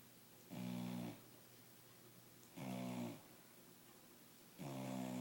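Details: Regular low, buzzing snores about every two seconds from Ruby, curled up asleep on a couch after a late-afternoon bath; snoring.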